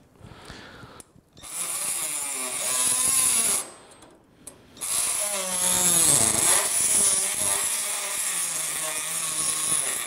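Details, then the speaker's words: Oscillating bone saw, harsh high-pitched buzzing in two bursts with a falling whine as it bites, making femoral cuts in total knee replacement, collateral ligaments protected by retractors; oscillating bone saw cutting. "دول بيركبوا على الفيمر من ورا ويحملنا بيهم الايه الكولاترال ليجمنتس عشان المنشار بتاعنا ما ياكلش الليجمنتس ونلاقي بعد كده عندنا انستابيليتي."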